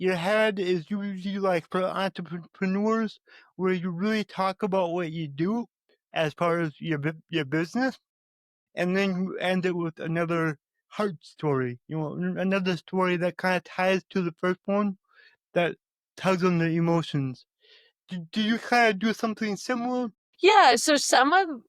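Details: Stuttering in an adult male podcast host with cerebral palsy and a lifelong speech impediment, who still stutters though less than before.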